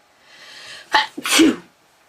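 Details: Woman, a brief indrawn breath followed by one forceful voiced sneeze.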